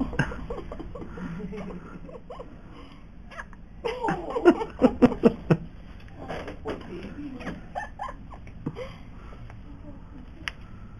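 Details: Newborn boy a little over 1 day old having his first bout of hiccups: about four short, abrupt catching sounds in quick succession amid soft adult talk; his expression goes from surprise to confusion to apparent pain.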